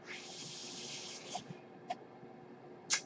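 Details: A steady airy hiss lasting about a second and a half, then quiet with soft clicks, from the speaker's own ventilator: mechanical ventilator breath cycle.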